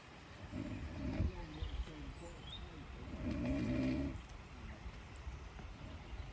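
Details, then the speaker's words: A person sleeping outdoors at a lake during a rainy winter carp-fishing session with no bites, recorded by a fellow angler: snoring. "Just to show you how good the fishing is, listen to this snoring."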